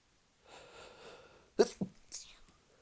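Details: Drunk sneezing fit: a breathy build-up, then a sharp sneeze burst followed by a second shorter one.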